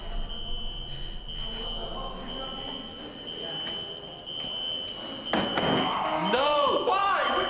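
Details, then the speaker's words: Steady high-pitched alarm tone sounding continuously over voices and room noise, activated by a staff member in a psychiatric unit, in a television drama, not a real patient. "what is with the bloody alarm it's been activated by a member of star"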